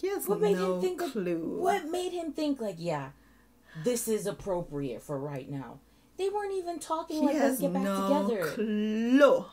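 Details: Adult woman speaking; ordinary speech.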